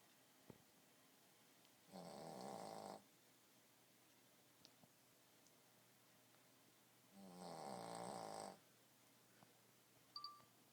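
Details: Boston terrier sleeping: two long, rattling snores about five seconds apart in a quiet room, ordinary dog snoring.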